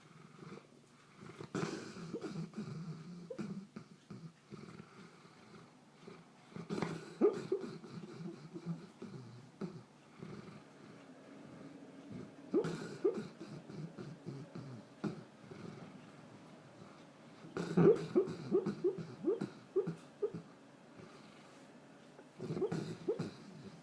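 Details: Golden Doodle dog asleep, snoring with low, rumbling, fluttery breaths about every five seconds, with faint muffled whimpers.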